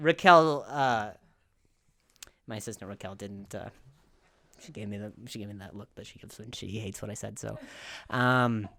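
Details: Male comedian who has a stutter, telling a story on his podcast; stuttering.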